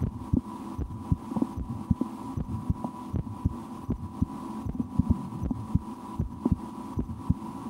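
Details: Person listening to their own heart through a stethoscope at rest after lunch, at times holding breath or trying to raise the heart rate: regular thumping heartbeat about 78 a minute with a steady hum; normal heart sounds.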